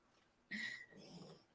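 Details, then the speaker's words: Dog snoring once in the background of a live reading stream: a short snorting inhalation with a whistly edge, then a softer rattling exhale. "you hear him snoring now yeah a little bit yeah"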